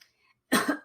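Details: A single short, forceful cough from an adult after a brief pause, with a lawnmower possibly audible in the background.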